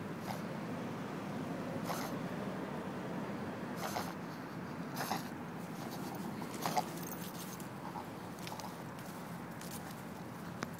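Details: A pug, a small flat-faced dog, makes continuous snorting, honking inward breaths during a reverse sneezing attack.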